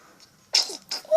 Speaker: Oh, bless you. Oh, God bless you.